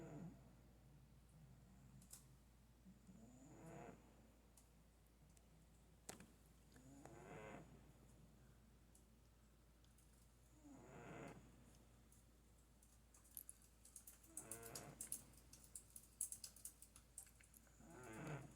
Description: 4 minutes of my cat snoring. Skip around for different tunes.